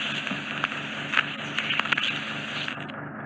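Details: Steady loud hiss of suction with crackly pops as impacted ear wax is drawn from directly on the eardrum during endoscopic microsuction; wax buildup caused by cotton bud use.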